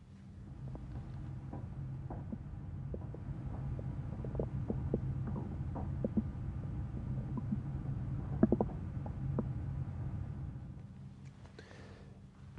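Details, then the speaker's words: Normal bowel sounds heard with a stethoscope over the right iliac fossa during abdominal examination: soft, irregular gurgles and brief clicks over a low steady rumble. "now I'd like to listen for bowel sounds I usually listen in the right eyac fosser"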